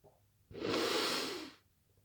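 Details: Person after a workout in the garden: a single loud, hissy, unvoiced rushing breath out lasting about a second. It fits a heavy exhale or a sneeze-like blast; forceful exhalation.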